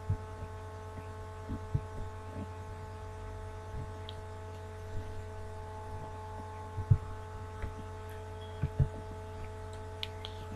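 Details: Normal heart sounds during cardiac auscultation foci teaching in a physical exam by systems: soft, low heartbeat thumps under a steady electrical hum with no added murmur, normal flow between systole and diastole.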